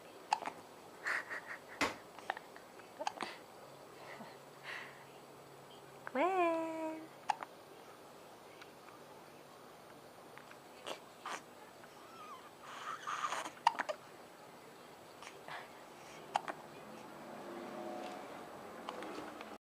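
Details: Dog with hiccups: about ten sharp, brief clicks, some paired, recurring through a quiet room, with one short whine.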